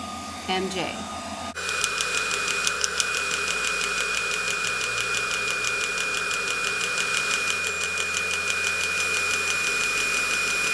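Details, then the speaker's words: Extracorporeal shock wave therapy device set for erectile dysfunction treatment (tip 6, 300 impacts, 3 Hz, 5 mJ; 1500 total impacts advised, more toward the tip): rapid regular clicking about three a second over machine hum and high tone. "so the directions stay to do a total of 1500 impacts 300 per second and do more more impacts toward the tip less up here and then slowly work towards more towards the end"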